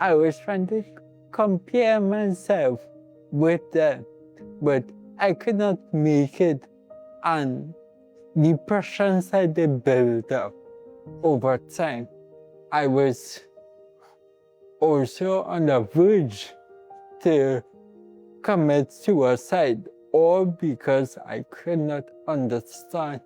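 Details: Dysarthria in an adult man born with cerebral palsy; his mother says he might fumble a little when talking.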